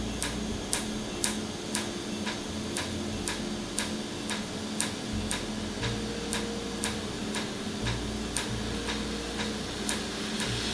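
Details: Laser tattoo removal on a numbed patient, ink frosting over as it is hit, with a skin-cooling air blower: sharp snapping clicks about twice a second over a steady blowing-air hiss.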